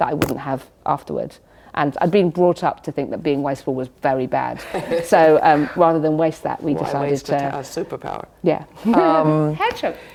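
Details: Adult woman with Tourette syndrome: involuntary vocal tics such as 'biscuit' occurring during her speech; she also has chest-pounding motor tics.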